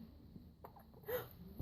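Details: A bout of hiccups: one or two short, abrupt catching sounds against quiet room noise.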